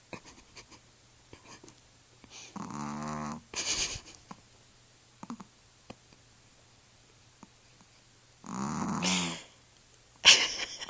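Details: Sleeping Pomeranian snoring: two separate rattling, buzzy breaths with quiet between them in a still room.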